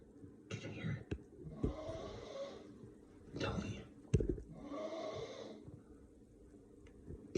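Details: Loud snoring from a sleeper in a dark bedroom, harsh rattling snores with each breath, about three in seven seconds, quiet room behind: snoring.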